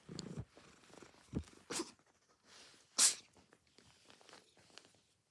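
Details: A cat sneezes sharply with a hissing burst, preceded by smaller snorting bursts, with faint purring and a brief chirp in between.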